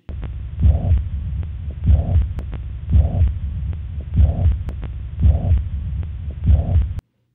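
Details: Teaching audio clip of mitral regurgitation in a review of systolic murmurs: a slow, regular heartbeat with a steady blowing holosystolic murmur.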